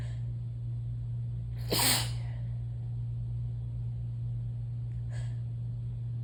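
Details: Sneezing on a very sneezy day: one explosive, wet sneeze, then a soft sniff a few seconds later, over a steady low mains hum.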